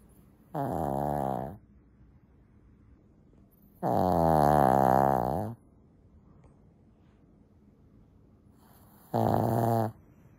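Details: Loud snoring from Lacey, a sleeping Shih Tzu dog: three rattling, buzzing snores over about ten seconds, separated by quiet pauses; she snores loudly, especially in the middle of the night.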